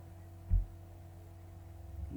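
A single low heart thump over steady electrical hum, the normal first heart sound as systole begins.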